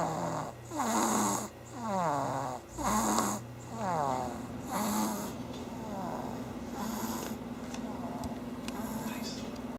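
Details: Sleeping pet animal snoring, with repeated rough, buzzing breath noises and some whistling tones: ordinary snoring at rest.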